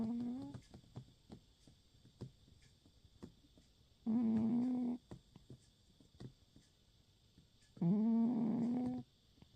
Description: Oscar the cat asleep on my lap on the couch, snoring and dreaming